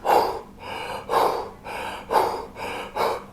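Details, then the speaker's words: Fast, forceful in-and-out breaths at about 60 a minute, an adult diving instructor demonstrating hyperventilation before freediving; simulated hyperventilation. "ใจเร็วๆเนี่ยนะครับถ้าใครจะเร็วๆเนี่ยเขาเรียกว่าใครเปิดมันจะเรชั่นนะครับปอดเราไม่ได้รับการเติมอากาศเลยเราจะเข้าเราจะออกเลยออกซิเจนนะครับ"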